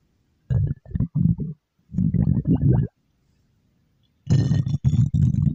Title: Mystic Flour Cookie’s stomach growl